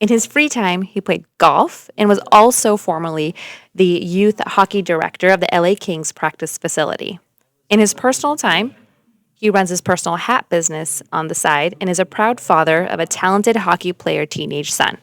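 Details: Adult female narrator; normal speech.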